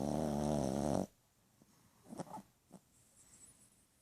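A loud buzzing snore in one long rattling breath, then quiet with a few soft snorts; snoring.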